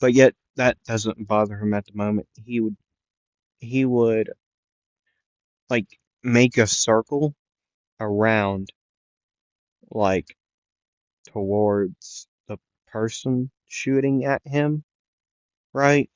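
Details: Male narrator who says he stutters a lot and repeats things, with word repetitions in this stretch; stuttering.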